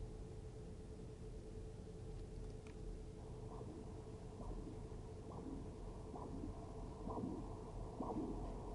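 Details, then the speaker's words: Normal triphasic arterial Doppler signal from the dorsalis pedis artery of the foot during arterial duplex mapping in a normal patient without disease: rhythmic pulsing whooshes about 65 a minute over steady machine hum. "you can see, it's a triphasic waveform in this normal patient."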